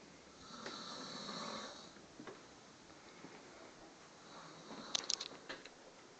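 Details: Snoring: quiet, breathy snoring on a drawn-in breath, then brief snorting sounds near the end, in a quiet room.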